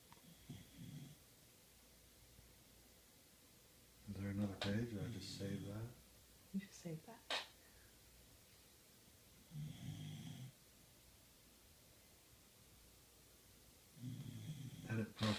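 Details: Olive snoring while her owner works nearby: low, rattling snores at about 4 breaths a minute with a brief snort between them, in a quiet room.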